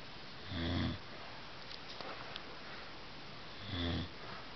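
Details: A person snoring, with two low, rattling snores about three seconds apart over steady room noise.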